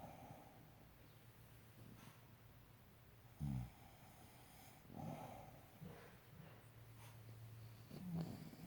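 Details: Two sleeping dogs with low rumbling snores and snorts at irregular intervals over soft breathing; snoring.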